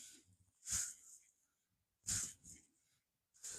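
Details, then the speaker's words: Repeated brief crackling, grinding sounds from an adult's own shoulder during warm-up arm rotations in a beginner workout, easing as the motion continues: shoulder crepitus. "Depending on where the microphone is, you can actually hear my shoulder. That's called crepitus, ladies and gentlemen."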